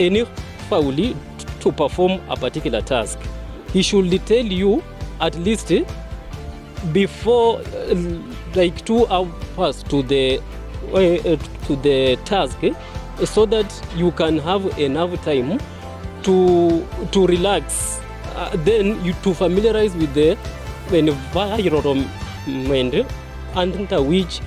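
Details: Speaker at the launch of a stammerers association in Kenya who identifies as a person who stammers; stuttering.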